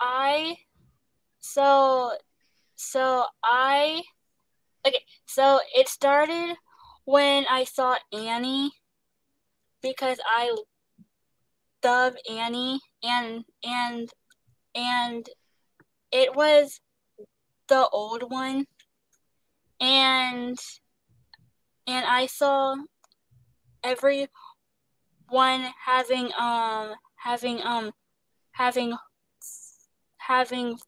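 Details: Young woman who stutters and receives speech therapy; she describes her stutter as pauses, word switching and restarting; genuine stuttering.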